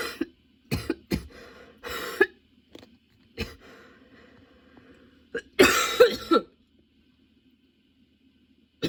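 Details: Sudden-onset nonstop coughing fit that kept worsening, bringing tears and repeated position changes for comfort: repeated harsh cough clusters with brief pauses and a final strong flurry; sustained irregular coughing fit.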